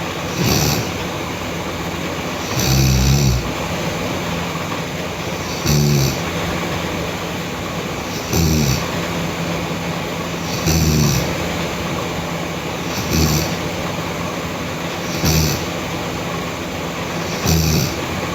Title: Sleeping Girl Loud Snoring (KRTK) Part 2